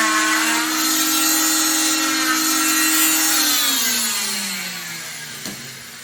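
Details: Oscillating cast saw removing a fiberglass short arm cast, cut straight along the ventral side of the arm: loud, high whining buzz grinding through hard material, dropping in pitch as it slows.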